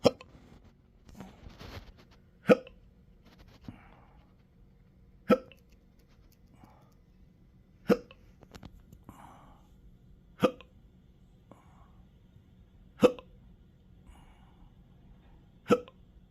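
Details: Intractable hiccups with belching, choking spasms and developing achalasia since December 2015, now 12-hour episodes seven days a week: seven sharp regular hiccups about every 2.5 seconds, roughly 23 a minute, in a quiet room.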